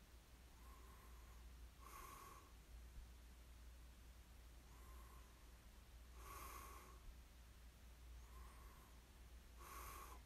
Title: [코 고는 소리 ASMR] 숨 소리만 들리던 날. The day I could only hear the sound of my breath.